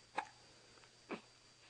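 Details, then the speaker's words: Baby girl aged 4 weeks 4 days with hiccups just after vomiting, hiccuping frequently: two faint, short bursts about a second apart over quiet room hiss; infant hiccups. "I just puked all over and now I have hiccups"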